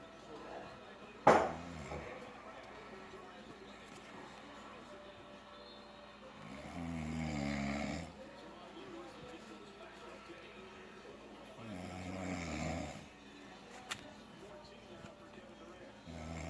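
Loud, deep rumbling snores on breaths in, about every five to six seconds, with a sharp bang early on.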